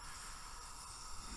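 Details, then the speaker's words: Oxygen-driven nebulizer running normally with supply tubing connected to oxygen at the manufacturer-recommended 8 L/min flow rate: a steady continuous hiss of gas flow with a low rumble. "connect one end of the supply tubing to oxygen and the manufacturer recommends an eight liter per minute flow rate"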